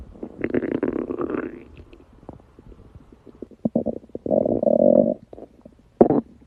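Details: Gurgling, bubbling rumbles in bursts with a longer droning growl from a girl's stomach: stomach growling (borborygmi) from gas and fluid moving through the gut.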